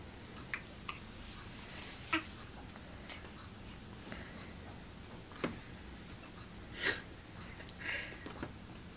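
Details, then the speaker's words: Newborn baby girl with hiccups causing leg spasms: brief, sudden breathy catches at irregular intervals over quiet room noise; doctor said they don't hurt her; hiccups. "it's that on hiccup yeah she's having spasms with her hiccups oh that almost looks like it hurts"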